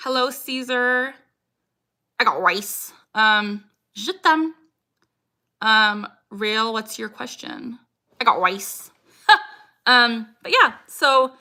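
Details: Woman, 26, with Tourette syndrome diagnosed at 12, tics since about age 3 or 4, producing her frequent phrase tic "I got rice", present about six years; tics increase when discussing Tourette's; complex vocal tic (repeated phrase).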